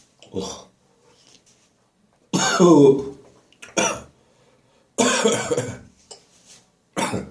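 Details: Morning coughing in a bathroom after bronchitis, clearing remaining phlegm: bursts of dry, harsh coughing with throat-clearing and retching sounds between them; dry post-bronchitis cough.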